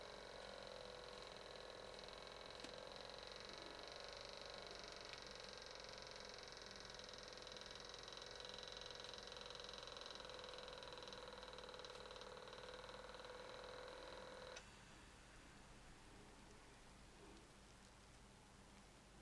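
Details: Home automatic blood pressure monitor started with the green button for a retest after 10 minutes of rest; steady motor hum of the cuff pump inflating, then stopping abruptly as the measurement proceeds.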